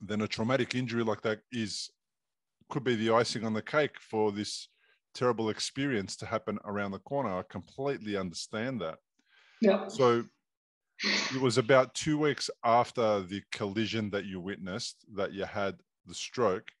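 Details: Adult male speakers in conversation; no speech disorder.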